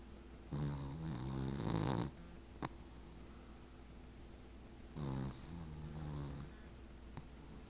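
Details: 18-week-old American Cocker Spaniel puppy asleep and dreaming: two rattling, buzzy inspiratory snores with quiet breathing between, over a steady background hum; snoring.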